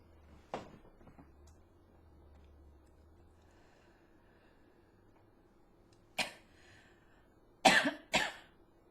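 Quiet room with a faint hum, then a few short, harsh coughs, about four bursts in all.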